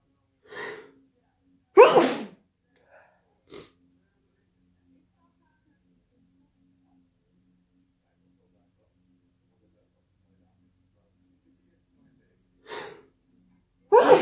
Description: ACCHHHHOOOOO had a sneezing fit late at night